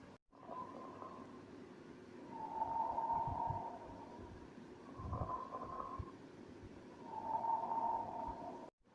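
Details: Lung auscultation with a stethoscope: rough, grating creaks during both inspiration and expiration, i.e. a pleural friction rub.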